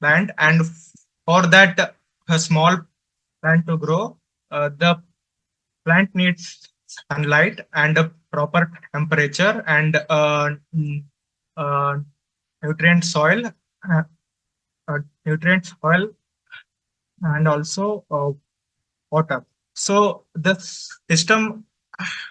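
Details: Male adult presenter from a stammering association who says he stutters and finds speaking difficult, especially with different people; stuttering.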